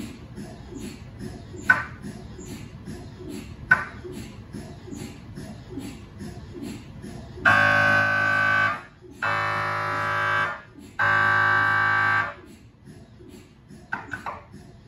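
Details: Steady rhythmic tapping, then three loud one-to-two-second buzzing tones: MRI scanner sequence noise recorded inside the scan room of a GE Healthcare 1.5T or 3T MRI system.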